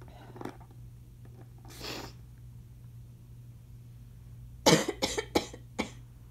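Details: Asthma cough that grows increasingly congested, at times chesty or wet, mixed with a few chesty sneezes; an inhaler may be audible in the background. Asthma cough.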